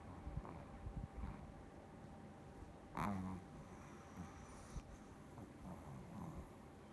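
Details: Shih Tzu, a small dog, sleeping: quiet, low rumbling breath noises with one louder snorting breath midway; soft snoring.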